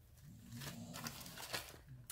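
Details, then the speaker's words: Sleeping dog snoring: faint, low rumbling breaths with light rustling nearby; ordinary dog snoring. "And of course Rizzo is snoring. If you guys are if you guys frequent my channel, you'll know that from time to time you will hear my dog snoring."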